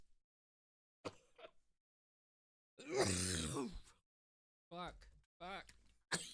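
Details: Adult coughing fit after a long hit from a THCA liquid diamonds vape cart: harsh strained coughing bursts with gasping between them, lasting about five minutes; coughing fit.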